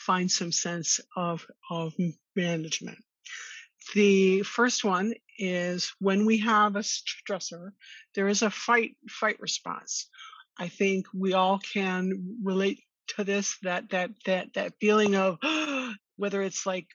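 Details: Adult woman who stutters and attended speech therapy growing up; stuttering.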